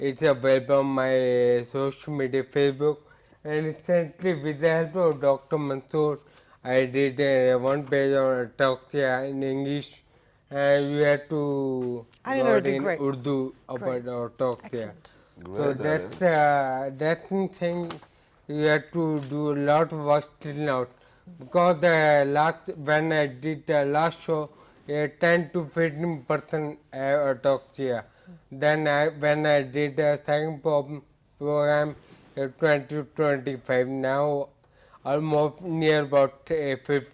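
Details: Adult male with hereditary ataxia for about eight years; ataxic dysarthria.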